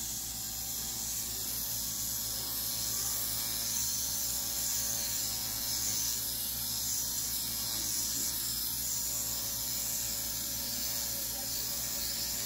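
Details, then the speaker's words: Steady mechanical buzzing and rasping of a motorized dermapen as RPRF and hyaluronic acid are applied and microneedled into the skin during a stem cell facial, keeping the area moist. "so I've got my our pair up my gun I've got my system with the guys and as I apply this I'm gonna microneedle it in"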